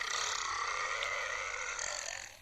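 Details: Cartoon character burping: one long, rough, drawn-out belch after complaining of a crummy tummy, part of a burp competition.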